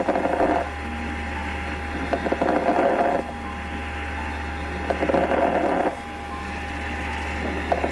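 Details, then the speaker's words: Teaching example of lung crackles on auscultation in pneumonia, particularly at the lung bases: breath sounds with fine clicking and popping during breathing. "So that's on auscultation what crackles can sound like, particularly in the base of the lungs."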